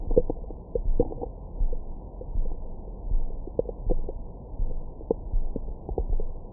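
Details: Low rumbling and gurgling with intermittent squeaky pops over the abdomen, recorded with a Stemoscope stethoscope microphone after a large meal for ASMR: normal active bowel sounds, stomach growling.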